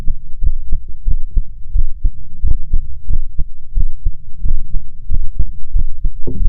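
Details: Own heart auscultated at four points with a stethoscope: regular low heartbeat thumps at about 90 a minute, with a steady low hum between beats; heart sounds.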